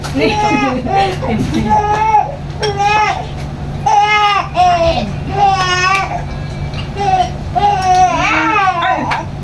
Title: How to handle 2 months baby when crying???!!!! #babylove #baby #cryingbaby #baby